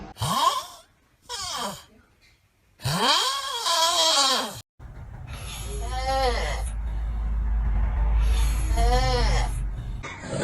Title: Interesting snoring #snoring #sleep #funny #lol #fpy